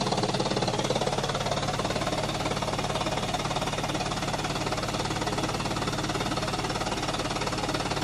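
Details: Female patient taking slow deep breaths during therapist-coached high-frequency chest wall oscillation vest therapy, about six minutes remaining. A loud, rapid, steady mechanical pulsing drone delivers fast pressure pulses to the chest to loosen secretions.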